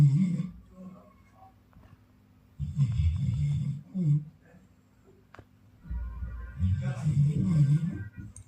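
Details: Sleeping Labrador dog: low rumbling snores in bursts separated by quiet pauses, faint background music; snoring.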